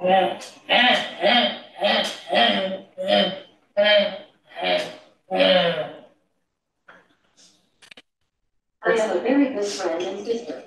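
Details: Woman with slowly progressive bulbar ALS, extremely dysarthric, attempting to speak a prompted phrase while a brain-computer interface decodes it; dysarthria (bulbar ALS).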